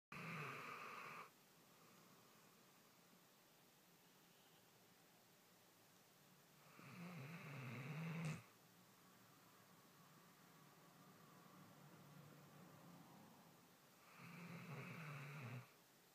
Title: Snoring puppy